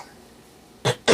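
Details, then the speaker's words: Young son coughing since returning from the hospital, with a runny nose; after a quiet moment, two short, quick coughs in a row, cough with a cold. "I mean, he's okay, but anyway, he's had it, yeah, since he's been back from the hospital. You hear him coughing."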